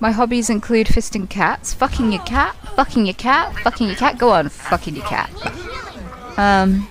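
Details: Real vocal tics from a woman with Tourette syndrome, repeatedly interrupting her conversational speech; finding: vocal tics (Tourette syndrome).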